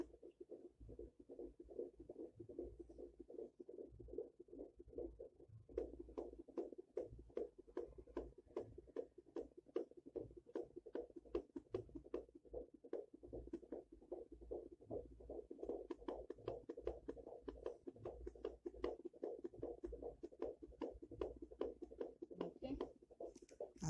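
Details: Rapid, regular whooshing fetal heartbeat over Doppler hiss, about 150 beats a minute, heard at a four-month pregnancy checkup at a health center.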